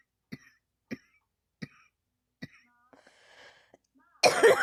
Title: ugh I can't stop coughing, 😔